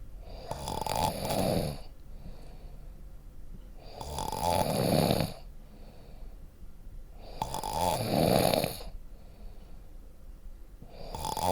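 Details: Loud, rough snores on each in-breath, about 18 a minute, with quieter breathing between them: snoring.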